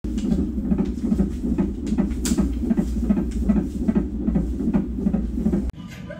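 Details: Fetal heartbeat on a monitor during non-stress testing: rapid, regular galloping whooshes at about 150 beats per minute.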